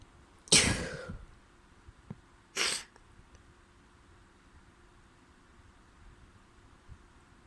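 Two forceful bursts, the first a long rushing sneeze, the second shorter, then quiet; sneezing with a head cold.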